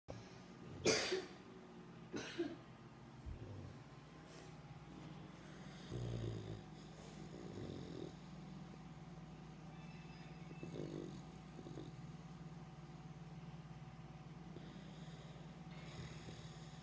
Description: Snoring Mighty Loud